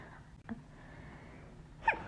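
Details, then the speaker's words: A woman about to go to sleep gets a nose tickle: a quick intake of breath, then one soft, stifled sneeze in a quiet room as she tries to keep her sneezes quiet. "trying to keep my sneezes quiet because oh my goodness um oh my god trying to keep my sneezes quiet it's really hard for me to do"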